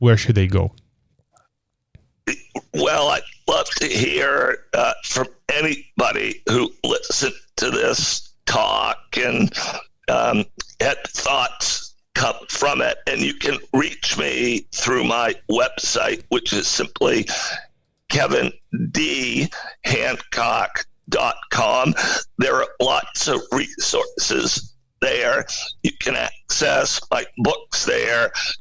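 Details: Spasmodic dysphonia in an adult male CEO: a rare neurological voice disorder affecting only speech, with no known cause or cure, acquired in 2010.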